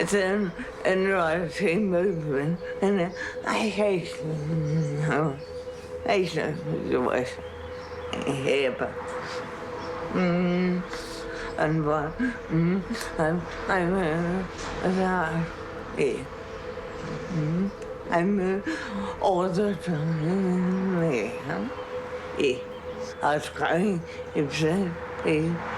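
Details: Dysarthria in an adult woman with Huntington's disease, a degenerative brain disorder; described as deteriorating, and long refused to accept her diagnosis.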